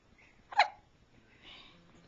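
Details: Three-day-old baby's first hiccups, recorded with a Flip Video camcorder: one brief, abrupt catching sound, a single infant hiccup, in a quiet room.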